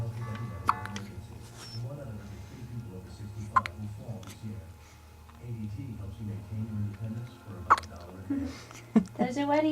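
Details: Three-day-old newborn with hiccups: short, sharp hiccup sounds every few seconds over adult talk and room noise.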